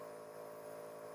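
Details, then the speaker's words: Nebulizer compressor running steadily with a mechanical hum and buzz, delivering medicated mist through a mask to a baby with cough and cold, given as prescribed by a pediatrician; baby held upright on the lap. "I'm now fishing on my device and you can see there is a steam so you can give the stream to your baby like this initially your baby might get excited because of its air but that's okay"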